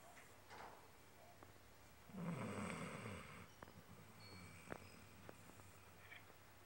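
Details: Pet dog sleeping and snoring.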